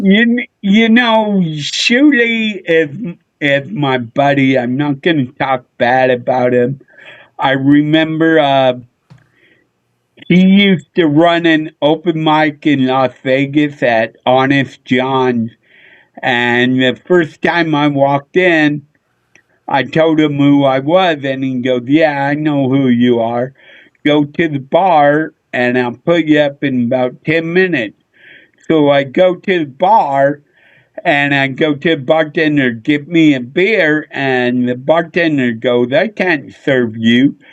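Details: Adult male with a neurological problem; MRI showed an underdeveloped back of the brain; head hit a dashboard in a car accident when younger; real condition; slurred speech mistaken for drunkenness (dysarthria).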